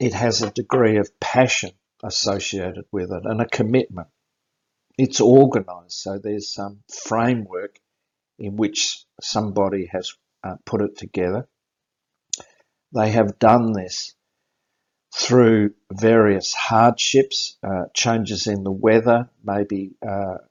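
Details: Adult male speaker; normal speech.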